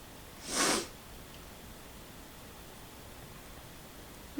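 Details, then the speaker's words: Woman who sneezes every morning as soon as she wakes: one forceful, explosive sneeze after feeling it coming, followed by quiet room noise; a single sneeze. "Hold on. [snorts] I got to sneeze maybe. Okay, hold on."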